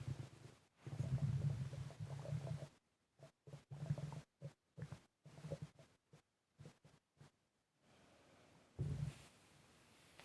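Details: Bowel sounds.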